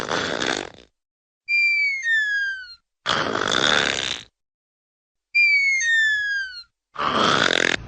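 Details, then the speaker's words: Porcupine snoring: repeated breath cycles of a rough, hissing snort alternating with a high, falling two-part whistle, about three cycles. "This is what a snoring porcupine sounds like."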